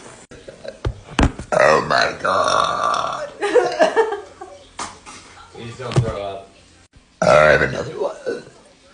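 Several loud, voiced belches separated by short gaps, with music in the background.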